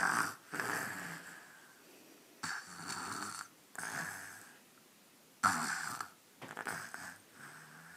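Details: Baby snoring during an afternoon nap that turned into deep sleep: soft, rasping snores, about four breaths in eight seconds, with quiet pauses between them; snoring.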